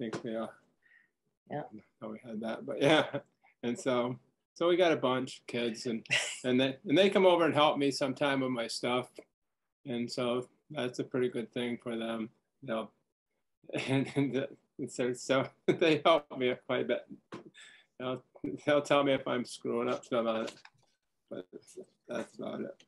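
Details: Man diagnosed with primary progressive aphasia the previous summer, with word-finding difficulty; speech varies between good and bad days and is worse when tired; primary progressive aphasia.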